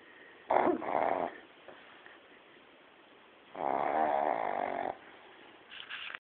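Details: Ordinary sleep snoring: two loud, rattling snores on the in-breath with quiet pauses between them, then the start of a third.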